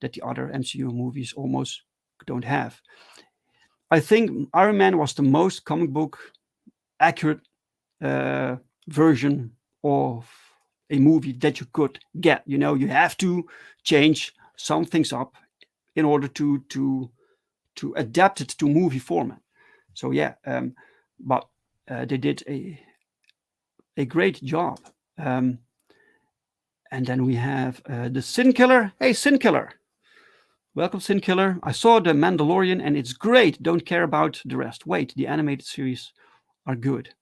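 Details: Adult who stutters, speaking live in a solo stream; stuttering.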